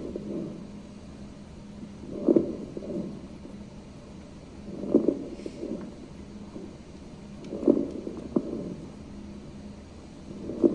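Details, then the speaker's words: Teaching demonstration, stethoscope lung sounds of a patient with very short inspiratory time: soft bubbly crackling sounds at the end of each inspiration, crackles (rales) attributed to fluid in the alveoli popping open. "you hear that kind of bubbly sound at the end of inspiration that's the RS so it's going to sound like a bubbly sound or a crackling sound"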